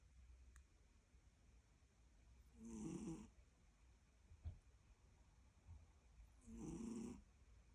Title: Cute cate snoring